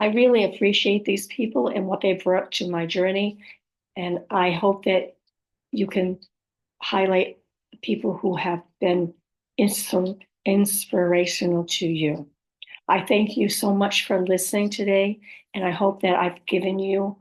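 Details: Adult woman with aphasia, apraxia of speech and dysarthria, describing her own speech as sometimes hard to understand; aphasia with apraxia of speech and dysarthria.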